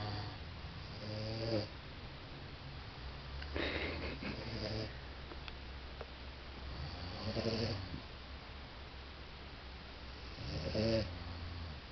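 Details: Two sleepers snoring together, described as loud: repeated rasping snores on each breath, about 18 a minute, over a steady low room hum during sleep.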